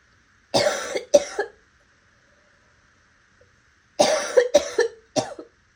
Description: Ranging from raspy to hoarse to wet with a few hints of barking.